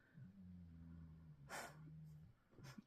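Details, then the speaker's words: Female animal snoring in the background during a talk, likened to an old man's snore: a low, steady buzzing snore broken by a brief, sharp snorting breath. "извиняюсь если отвлекает вас я слышу не знаю тут слышно или нет она храпит как старый дед"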